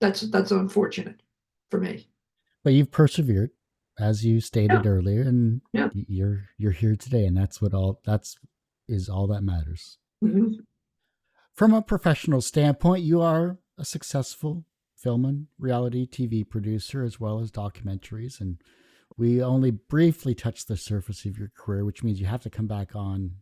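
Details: Adult male speaker; normal speech.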